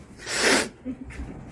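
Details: Person who says he is allergic to cats, giving one loud, explosive sneeze with a rush of air, followed by a few quiet breaths; sneezing.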